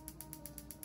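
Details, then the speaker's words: Quiet, steady clicking at about eight pulses a second over a faint hum: a Piezowave2 focused shockwave therapy device at intensity 2, applied with gel over the wrist TFC area by a physical therapist on their own body. "I'm going to start with a intensity too and then I'm just searching around where I"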